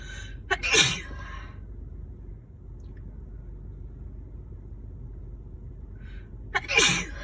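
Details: Adult woman sick with a winter cold, sneezing intensely and nonstop: two separate sneezes, each a quick in-breath then an explosive burst, several seconds apart in a quiet room.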